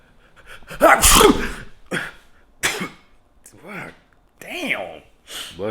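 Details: Triple sneeze indoors in a room-temperature house in mid-October; the sneezer suggests pollen in the air. One loud, explosive sneeze burst followed by brief voiced sounds, in a quiet room.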